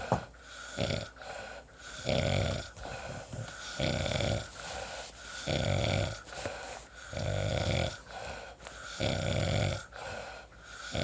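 Loud, rough breathing noise repeating irregularly, with strong inhaled rattles alternating with softer phases, about 35 bursts a minute: snoring.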